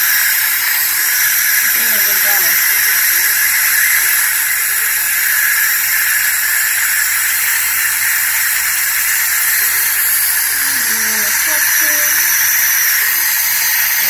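Continuous loud hissing from dental air and suction, with faint voices underneath, during sealant application on a child's teeth.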